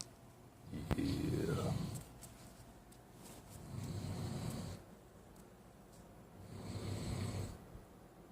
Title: Snore.avi